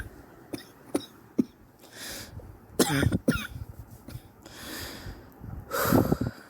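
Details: Sore adult woman coughing over several weeks, X-ray pending to check for pneumonia: several harsh, rough coughs with throat clearing and noisy breaths between; persistent chesty cough she suspects is bronchitis.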